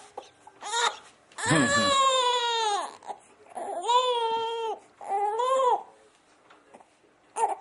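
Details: Infant refusing tummy time, fussing while placed on his tummy to practice crawling: loud, fussy crying in long wails with short gaps between them, in a small room; infant cry.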